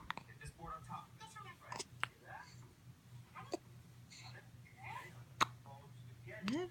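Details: Hiccups: several brief, sharp catches of breath over quiet talk and a steady low hum.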